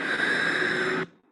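A harsh, high-pitched breath noise with a steady whistling tone, then a much quieter tail; biphasic stridor from a narrowed airway.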